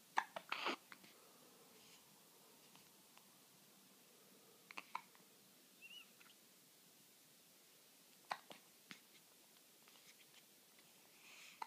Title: 1 week old twins have hiccups